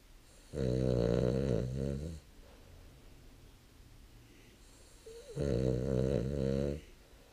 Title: snoring